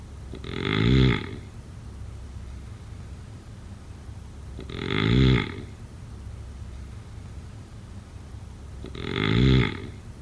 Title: #sleepnoises #snoring #sleepsounds #snoringasmr #snoringsounds #snoringsleepingsoundeffect